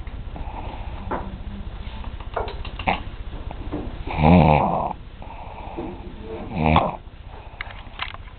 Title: snoring bunkmate...